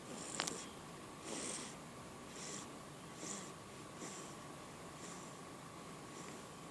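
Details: Infant's hiccups, soft brief breathy catches repeating about once a second, roughly seven in all, over a steady background hum.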